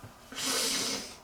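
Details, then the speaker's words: A single soft, hissing snore from a sleeping dog, with a faint rough buzz under the airflow. "Oh, she's snoring. She's hear that? Lily, you're not helping my confidence. She's snoring."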